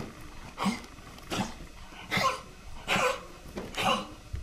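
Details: Dog coughing: five harsh, dry coughing bursts about a second apart, with quiet gaps between.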